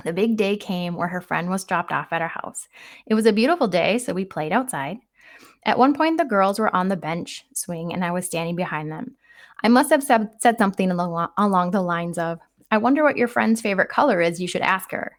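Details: Adult woman narrating; normal speech.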